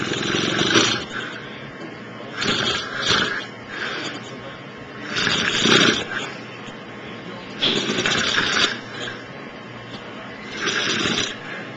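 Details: Man snoring after a long day: loud, rough snores about 23 a minute, each lasting about a second, with quieter breathing between.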